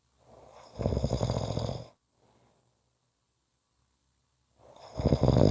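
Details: Two loud, low, rattling snores about four seconds apart, each following a softer intake of breath, with quiet pauses between; typical snoring.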